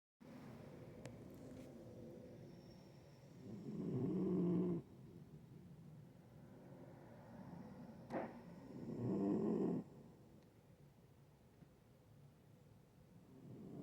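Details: Two slow, rumbling breath sounds about five seconds apart from a sleeping cat; soft snoring.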